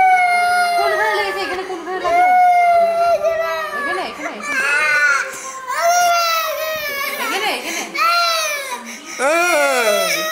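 Continuous loud infant crying, high-pitched wails running into one another with brief catches of breath; ordinary crying in a small room.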